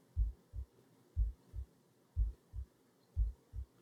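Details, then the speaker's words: Steady low lub-dub heartbeat at about 60/min, heartbeat audio from an audience member in a performance piece, sounding like a simulated normal rhythm; normal heartbeat. "i'd invite you to put your hand on your heart and feel your heart beating in the palm of your hand"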